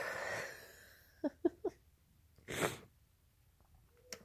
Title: Induced sneezes... with chhinkni - and talking when less successful